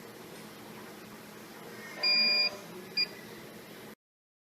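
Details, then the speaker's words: ECMO circuit monitor in a pediatric patient, flow falling: long high electronic tone then short beep over quiet room hum; low-flow alarm. "this video show alarm alarm of decreasing flow and this is parameters for pediatric patient"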